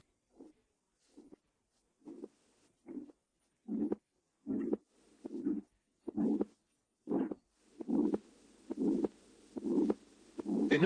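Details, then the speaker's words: Teaching demonstration of aortic stenosis auscultation: regular heartbeats at about 67 a minute with weakened first and second heart sounds and a harsh rasping systolic murmur at the aortic area radiating to the neck. "in aortic stenosis there is a weakening of the first and second heart sounds and a harsh systolic murmur at the aorta radiating to the neck"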